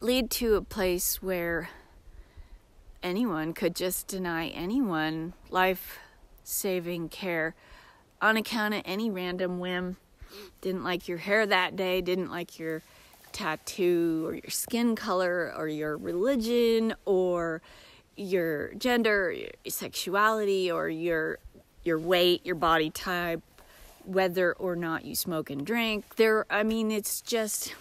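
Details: Disabled woman with self-described aphasia episodes that occur several times a day, sometimes briefly, and can sound like mocking a foreign-language speaker; acquired speech disturbance (self-described aphasia).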